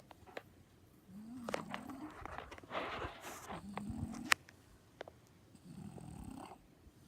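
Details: Sleeping French Bulldog with rough, rattling snores on each breath plus snorts and clicks; snoring.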